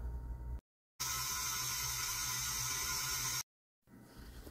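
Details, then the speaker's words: Steady high-pitched whirring of a small AO surgical power drill test-run for a few seconds between brief silences after chucking a drill bit; the bit is gripped off-centre and wobbles. "정확히 작동하는지 확인해야 합니다 드릴이 정상적으로 작동하는 것을 확인할 수 있습니다"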